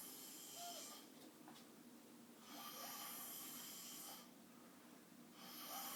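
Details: Adult male asleep sitting up in a chair after staying up all night playing games; quiet, rough, repeating breathing sounds against steady room hiss; mild snoring.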